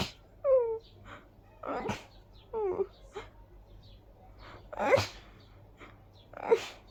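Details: Sneezing fit attributed to high pollen count plus dust allergy: several sharp sneeze bursts in quick succession with voiced inhalations between them.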